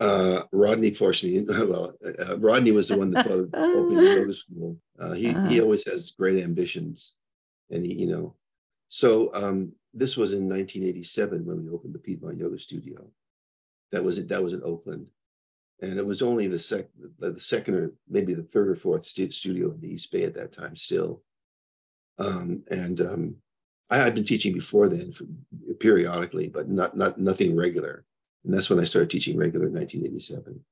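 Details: Adult man with progressing Parkinson's disease who reports stuttering a little, losing his words and impaired balance; finding: disfluent speech in Parkinson's disease.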